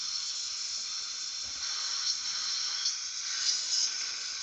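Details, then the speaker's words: Dental rinse with surgical suction during drill-out of a broken, cold-welded abutment screw in an external hex implant (type 4 case): steady high-pitched hiss and gurgle of water spray drawn away by suction. "Surgical suction please okay go right up in there great good for you that's good all right let's rinse that toward you"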